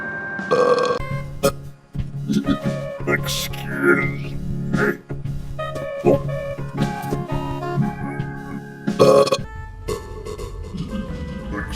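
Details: Repeated loud burp sounds over organ-like music, with repeated "excuse me", in an edited Mr Bean cartoon sound-effect clip; burping.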